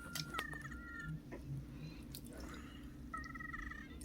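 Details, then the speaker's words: A female patient in a doctor's office, waiting for an EKG, wheezes again, possibly after the walk there: high, whistling musical tones in two stretches of breathing, consistent with narrowed airways. "hi sorry I'm just listening to recording her lungs cuz it's weezing again I just want to hear the sound"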